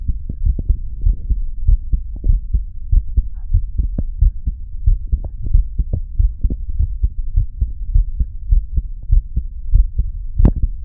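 Steady low thumping heartbeat, about 98 beats a minute, with faint hum underneath; an ordinary heartbeat.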